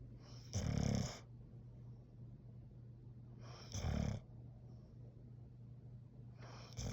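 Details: Plott hound (mix) dog snoring while asleep: soft, low rumbling snores about 19 per minute, with faint hiss over steady background hum; gentle snoring.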